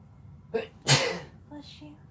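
A short indrawn breath followed by one sharp, explosive sneeze, then brief quiet voice sounds: a typical single sneeze.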